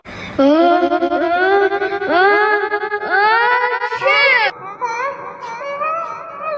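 A high, wailing infant cry in rising and falling bursts, with a softer fussing tail.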